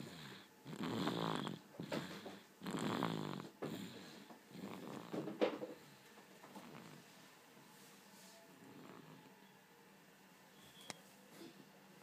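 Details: Sleeping dog, very tired that day, snoring loudly like a tractor in rough, rattling bursts that fade into quieter breathing.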